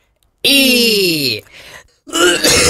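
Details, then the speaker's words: Deliberately performed theatrical cough by a self-described professional concert cougher in a radio comedy piece: a long, loud, strongly voiced burst with falling pitch, then a second burst. It is staged, not an illness. "И вот слышите в этом звуке и легата и ритенуто и крещендо понимаете"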